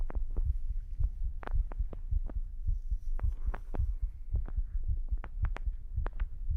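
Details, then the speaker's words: Heartbeat from a one-hour recording made before an ASMR stream, likely via a 3Dio binaural microphone, overlaid at increased volume: low thudding beats in a steady rhythm with some handling noise; normal heartbeat. "Um, I did a oneh hour heartbeat recording before the stream, which allows me to have this over uh like overlapping audio for you."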